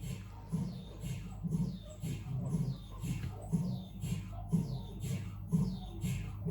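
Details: Loud rhythmic knocking and buzzing at about one pulse per second over a steady low hum: MRI scanner noise during a normal head examination on a Siemens Magnetom Avanto 1.5T scanner.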